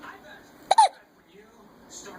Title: Another case of the hiccups